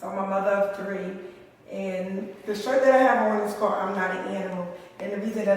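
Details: Adult woman speaking; ordinary speech.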